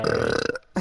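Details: Person burping repeatedly while playing an online game: a loud, drawn-out, gurgling burp about half a second long, then a brief voiced sound.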